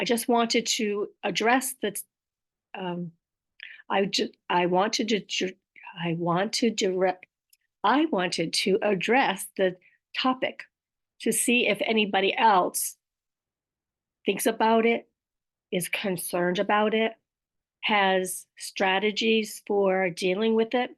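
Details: Aphasia with apraxia of speech, acquired last year, in an adult woman; she also mentions dysarthria and describes intended sounds coming out in the wrong order.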